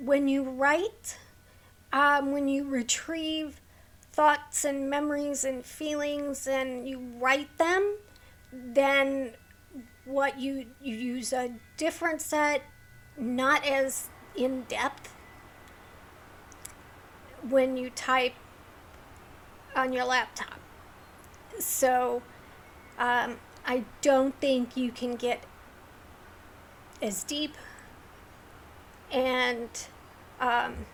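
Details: Adult woman with a neurological condition causing tremor of the hands, voice and head, plus mild tardive dyskinesia; she strains to talk, which has made her throat sore; vocal tremor.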